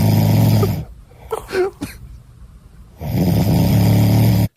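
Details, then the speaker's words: Loud snoring of a sleeping adult man, likened to Darth Vader breathing, with a distinctive sound in the pauses between snores. "he does sound there's a moment in between the snores though you're right where it sounds like Darth Vader"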